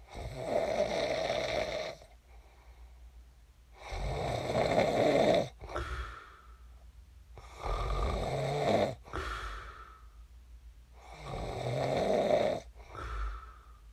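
Loud, rough snores on each breath in, about 17 breaths a minute, with quieter breaths out between them: snoring during sleep.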